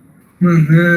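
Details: Person with dysarthria from a disease causing severe muscle weakness, leaving the articulators barely able to move and speech clarity completely lost; dysarthric speech.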